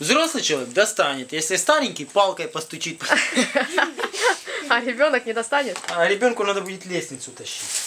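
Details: Adult woman speaking Russian; Ordinary speech.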